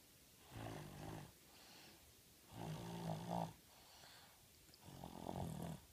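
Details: Person snoring during sleep: three rhythmic, low rumbling snores on the in-breaths, roughly every two seconds, with quiet pauses between.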